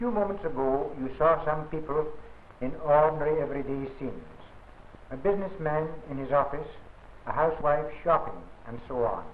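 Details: Adult male narrator; normal speech.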